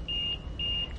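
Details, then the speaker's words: LTV 950 ventilator low minute volume alarm: two high, steady electronic beeps over a low hum, sounding when exhaled minute volume falls below the set limit; display message and control flash. "the low minute volume alarm occurs when the exhaled minute volume is less than the second minute volume the low minute volume alarm message is flashed in the display window the low minute volume control display is flashed and the audible alarm is sounded"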